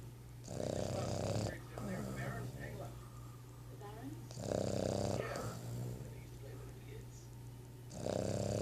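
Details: A sleeping Boston terrier gives loud, rattling snores about every four seconds, with faint talk in the background. Snoring.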